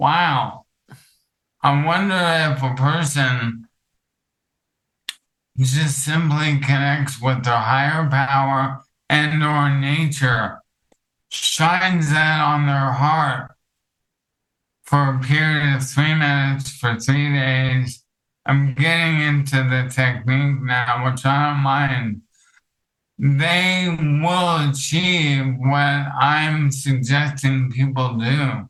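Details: Dysarthria from ALS in an adult male counselor; ALS affects his vocal cords, makes long talking difficult and has reduced speech clarity.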